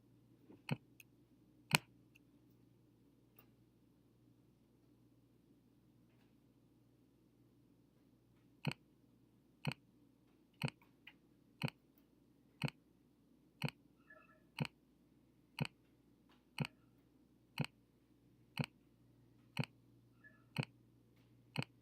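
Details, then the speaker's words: Simulated Korotkoff sounds from an online blood pressure game, regular sharp taps at about 60 a minute over a low hum; first sound at 160, last at 100 (160/100). "all right so we once it fills up all the way we're just listening for those heartbeats okay the first heartbeat I heard was that 160 okay and then the last heartbeat I heard was about right here okay 100"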